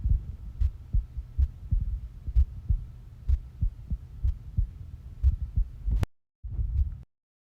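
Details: Regular, steady low heartbeat thumps at roughly 63 beats a minute, a person's own heartbeat: normal heart sounds.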